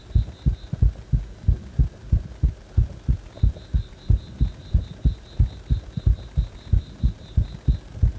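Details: Heart that stays fast even after release from compression: fast, regular, thumping heartbeat with steady beeping in the background; tachycardia.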